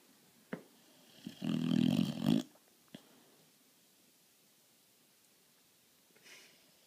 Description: 8 mo. pitt snoring